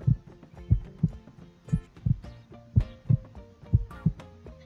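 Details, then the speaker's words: Adult man's own heart heard through a homemade digital electronic stethoscope (condenser mic and amplifier) with the diaphragm on his chest: steady paired heart thumps at about 60 a minute, soft music behind, normal heart sounds. "इसको मैं रखूँगा यहाँ पे और ये मुझे अब जो है ना हार्ट बीट अपनी कानों में सुनाई देनी शुरू हो गई है बिल्कुल और ये बहुत ज़्यादा मुझे जो है ना वो क्लियरली जो है ना सुनाई दे रही"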